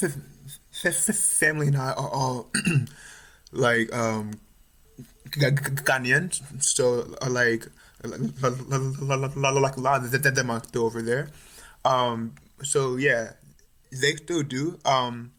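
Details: Stuttering in an adult male third-year medical student, more pronounced since about age 6 or 7, with family history (mother and uncles stutter); now overt, with blocks, facial tension and eye squeezing.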